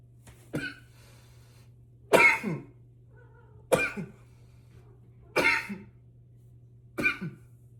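Five sharp, forceful single coughs spaced about every one and a half seconds, with a low steady hum behind them.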